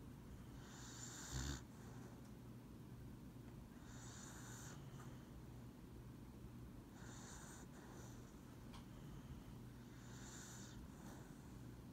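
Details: Dog snoring gently during a lap nap: soft, regular snuffly breaths about 20 a minute over a low room hum.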